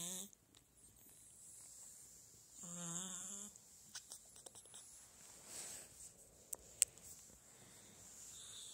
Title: Кот Пушистик спит храпит, а братик его моет Cat Fluffy slipping and snoring and his brother washing